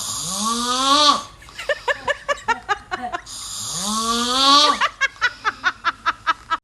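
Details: Snoring from a comedy compilation of people and animals snoring with unusual sounds.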